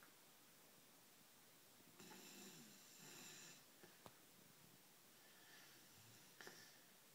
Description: English Mastiff Puppy Snoring as Chihuahua tries to sleep next to him.